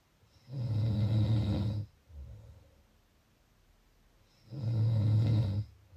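Two long, deep, rattling snores on breathing in, separated by a quiet pause.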